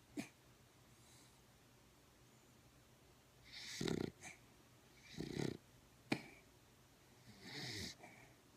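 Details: Soft, rough breathing noises recurring about every one and a half seconds, quiet overall, consistent with light snoring.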